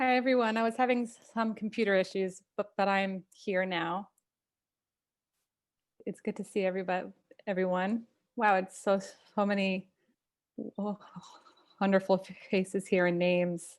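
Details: Stuttering in an adult who stutters, opening a live online stuttering community event, with sound repetitions audible.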